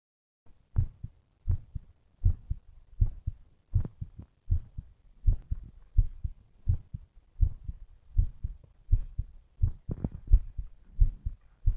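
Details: Strong, regular paired low thumps at about 86 beats a minute; normal heartbeat.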